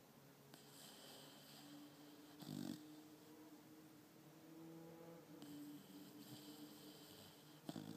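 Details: Five-month-old female pit bull sleeping with her tongue out and dreaming: soft, low snoring breaths with faint whining tones and small sleep noises; snoring.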